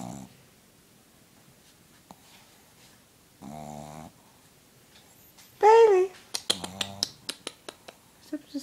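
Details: Snoring in a Shih Tzu dog: short, rough nasal snores between quiet stretches, with some brief sharp clicking sounds nearby.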